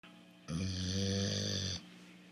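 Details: Sleeping Bulldog snoring: a single drawn-out, low, buzzing breath sound with a steady tone.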